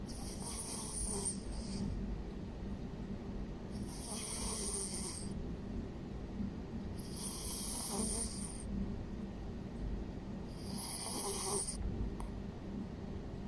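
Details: Sleeping cat snoring: soft, regular snores, about four breaths in 13 seconds, each with a hissing, snuffly noise.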